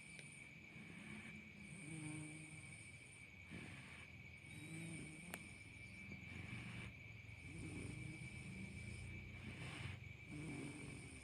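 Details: Six-month-old baby snoring while asleep: soft, low, rough noises repeating with each breath over a steady electrical hum; infant snoring.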